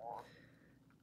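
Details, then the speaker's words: Stomach growling the person attributes to drinking lime and water, while hungry: a brief low-pitched gurgling groan from the stomach, then quiet room sound. "you guys hear that that was my stomach that is what that that lime and water does to my belly"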